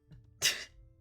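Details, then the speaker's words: Adult streamer who says she is sick and can't get a sneeze out gives a single short, hissy, sneeze-like burst against a faint steady musical hum: sneeze. "If y'all I just I I have a sneeze and it just isn't coming out."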